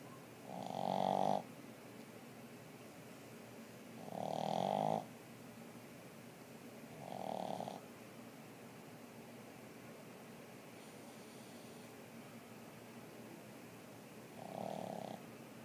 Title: More snores